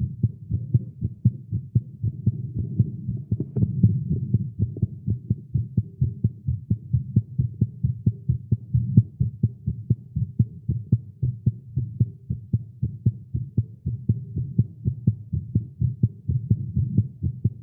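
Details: A male heartbeat recorded after exercising with caffeine, tagged as irregular and fast. There is rapid, steady, low thumping at about 128 beats a minute with a faint hum, a fast heartbeat.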